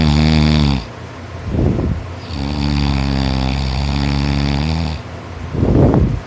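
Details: Heavy continuous snoring during sleep in a boy who was tired after working extra hard; loud, deep, buzzing snores on each in-breath with hissing out-breaths, a steady sawing rhythm.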